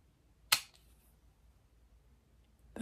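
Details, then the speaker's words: Single sharp spring click in a quiet room: a lancing device firing into a fingertip to draw blood for a glucose test by a person with type 1 diabetes. The reading was 10.2, a little high. "That shoots out. Tiny bit of blood, you can kind of see."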